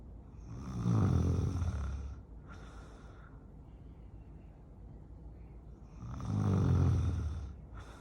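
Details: Husband snoring during sleep: loud, low, rattling snores on the in-breath, two in eight seconds with quiet breathing between.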